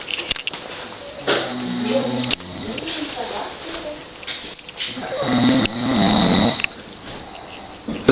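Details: Two loud, rough snores from a sleeping adult man, with quieter breathing noise between them.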